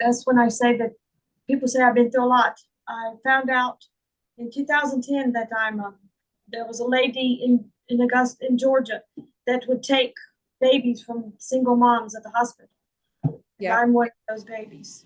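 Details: Adult woman with foreign accent syndrome that began on waking from a migraine in 2021 and was diagnosed by a speech therapist; she also reports slurred speech, functional neurological disorder, and trouble with word recall and reading. Real.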